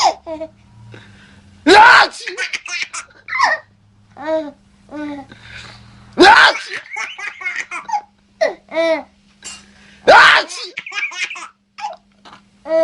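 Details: Three loud adult sneezes, each followed by an infant's bursts of giggling laughter; a baby laughing at ordinary sneezing.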